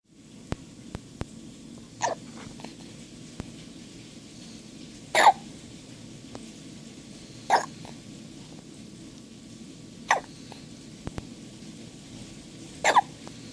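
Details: Newborn about half a day old hiccupping: five brief, sharp hiccups at a steady pace about every two and a half seconds over quiet room noise.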